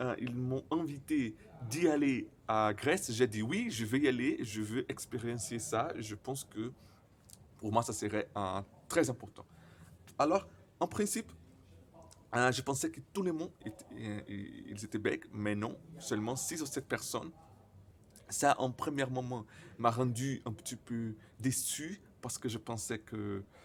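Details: Stuttering in a man speaking French, who reports his stutter often involves silent blocks.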